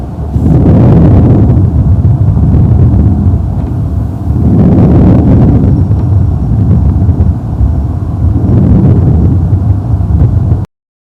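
Soft, low rustling breath sounds swell and fade in about three even cycles, roughly 16 a minute: normal vesicular breathing.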